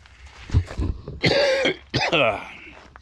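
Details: Short run of harsh coughs with throat clearing from a farmer after working on equipment without a mask and breathing a lingering smell or fumes, an irritant cough; whether it was COVID is an open question.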